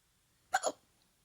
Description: Got the hiccups so thought I'd record them